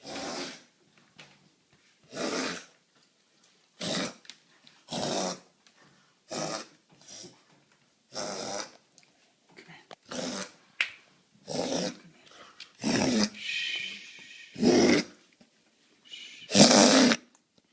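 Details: A dog gives a series of about a dozen short, harsh, dry coughs, spaced a second or two apart.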